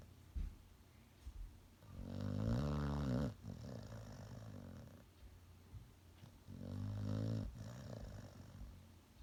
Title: Snoring Dog